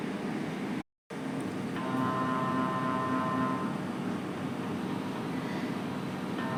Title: How to mri sound & scan view checking